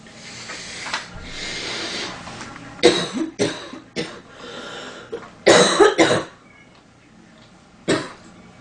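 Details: Adult woman gives about six short, dry, acted coughs in separate bursts with breathy noise between them, after complaining of an itchy nose and cold weather; a cough sound effect.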